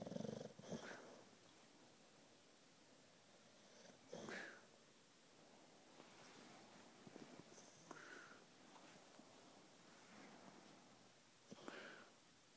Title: Snoring bulldog